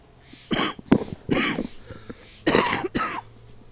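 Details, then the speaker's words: An adult gives about five harsh, forceful coughs in two short runs; reports a severe bronchitis, suspected Bordetella pertussis (whooping cough), the worst ever had, now starting to improve. "And there's a real bad bronchitis going on, probably called Bordetella pertussis, which is a very, very violent, aggressive whooping cough bacteria."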